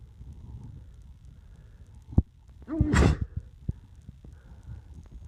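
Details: Male attempting to stifle sneezes, failing: quiet room, brief indrawn breath, then one burst of a half-suppressed sneeze with small thumps around it.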